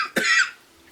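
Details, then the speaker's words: Coughing from an adult woman whose asthma has flared up mid-conversation (an asthma attack); cough. "that's where we're at sorry about all this my asthma is kicked out"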